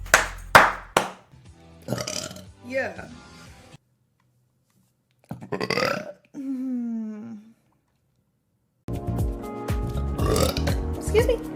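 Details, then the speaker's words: Livestream burp compilation: several loud burps in a row, with speech and music in the background. "Excuse me. It didn't come out all the way. I'm sorry."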